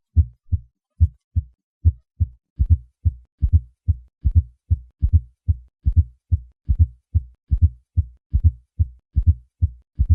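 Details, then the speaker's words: Simulated heart sounds at about 72/min: three normal beats, then a soft, low-pitched late-diastolic fourth heart sound creating a triple rhythm (S4 gallop), heard at the cardiac apex in left lateral position; indicates a stiff, non-compliant ventricle. "When a fourth heart sound is added to a normal first and second heart sound, a triple rhythm is created."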